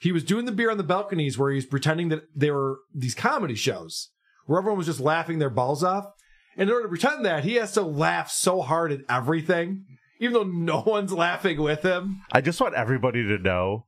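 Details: Adult man speaking; typical speech.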